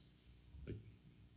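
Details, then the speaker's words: Adult speaker with hiccups gives a single sudden, brief throat catch with a short voiced click against quiet room noise: one hiccup. "i got the hiccups by the way i hear them maybe they'll go away maybe i'll have to like break and i go get a drink of water but yeah i got the hiccups"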